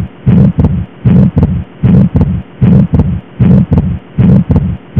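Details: Stethoscope recording of abnormal heart sounds: regular heartbeat about 77 per minute with a long, harsh murmur filling the gap after the first heart sound, consistent with late aortic stenosis.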